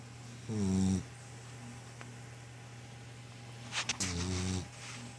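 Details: Dog snoring: two short, buzzy, tonal snores about three seconds apart in a quiet room with a steady hum.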